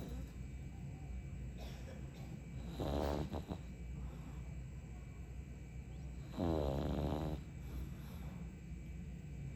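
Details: Pug snoring while sleeping: two loud, rattling, low snores on breathing in, about 16 a minute, over steady room hum.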